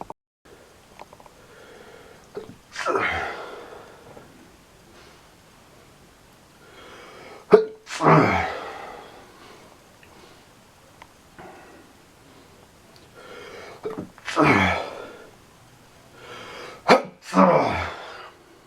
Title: POLLEN ALLERGIES KICKING IN AGAIN WITH MORE MANIC SNEEZING!!!!